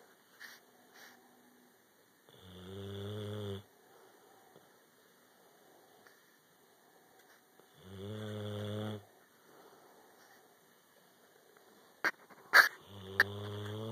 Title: Capone snoring